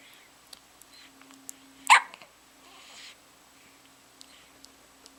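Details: Dog with hiccups: soft repeated clicks and one louder sharp gulp over a faint steady hum.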